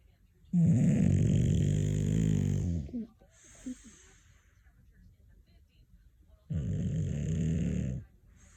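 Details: Snoring: two long, loud, low rumbling snores with a steady vibrating tone and a quiet pause between them.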